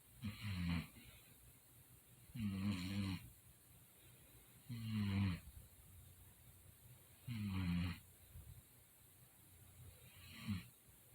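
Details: Deep, rattling snores recurring about every two and a half seconds, roughly 24 a minute, with quiet breathing between; person recorded snoring at night after denying they snore; snoring.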